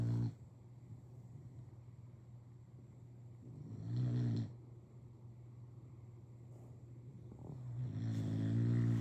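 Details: Snoring of a sleeping bulldog: loud, low rumbling snores with each breath, about three in nine seconds, with quieter breathing between.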